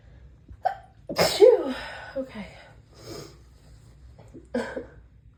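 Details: Woman with allergies during a dizzy sneezing fit: a sharp explosive sneeze after a brief inward breath, followed by softer breathy sounds.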